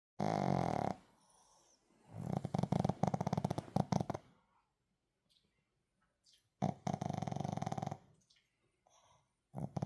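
Bursts of rapid, fluttering, snorting snores with short gaps between them, the irregular nasal snoring of a small flat-faced dog.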